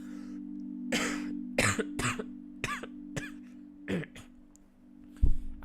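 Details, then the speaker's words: A run of harsh, phlegmy coughs and throat clears from an adult with ongoing phlegm affecting the voice, steady background music throughout; wet cough with throat clearing. "I'm just been really, the phlegm is been going it's getting a little bit annoying. I mean, I think you can hear that in my voice as well."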